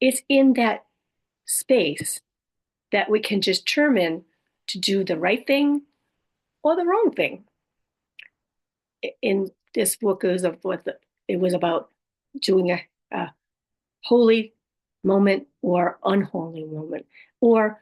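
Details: Adult woman with aphasia, apraxia of speech, dysarthria and other communication challenges after a stroke; aphasia with apraxia of speech and dysarthria.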